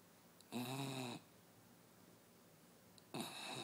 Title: Sophie the snoring Westie